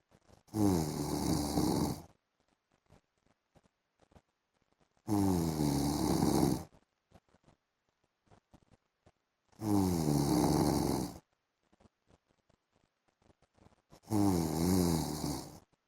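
Four loud, rattling snores at a steady pace, about 13 a minute, with silent exhales between. Regular snoring during sleep.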